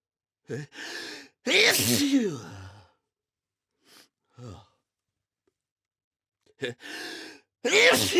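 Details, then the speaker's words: Several sharp, explosive sneezes with quick in-breaths and brief pauses in a small room; a sneezing fit leaving the person lightheaded, dizzy and still tickling. "That will most definitely leave me randomly sneezing throughout the next few days."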